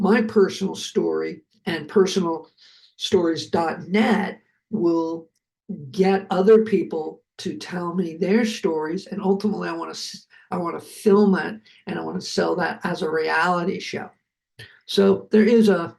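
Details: Adult male producer, a heart attack and aphasia survivor, speaking with repetitions and word-finding difficulty; aphasia.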